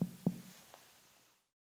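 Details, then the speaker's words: Abdominal percussion: a sharp tap with a hollow, drum-like ring. This is a tympanic note over hollow, air-filled intestines, and it becomes more extreme with excess bowel gas, as in bloating. "in contrast the percussion sound of hollow air-filled intestines is more drum-like in nature and is therefore known as tympanic or tympanitic"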